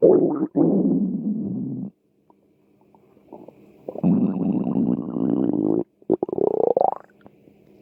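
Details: Stomach growling from hunger: long low gurgling rumbles in bursts with quiet gaps, some rising in pitch; ordinary borborygmi.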